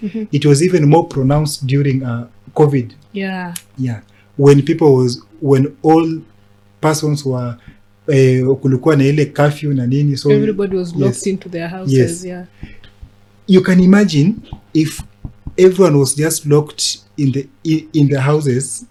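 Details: Adult man who has stammered since about age six and reports speech blocks, now a disability advocate who links stammering with mental health challenges; stuttering.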